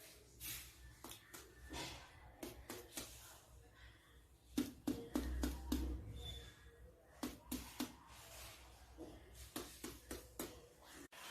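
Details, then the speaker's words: Short, hollow finger-percussion taps over the four abdominal quadrants of a male patient during a head-to-toe physical examination, after normal bowel sounds at 6 a minute: normal tympanic abdominal percussion note. "Oke, baik Pak, normal ya, suaranya timpani."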